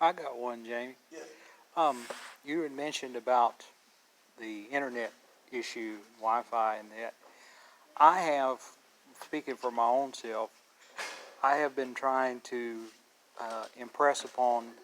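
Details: Adult male speaker; Normal voice.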